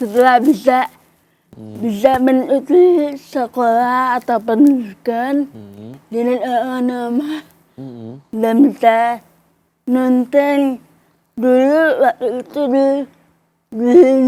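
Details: Woman aged 25 with cerebral palsy; she communicated only in writing in primary school and began speaking in junior high after therapy with her mother; dysarthria (cerebral palsy).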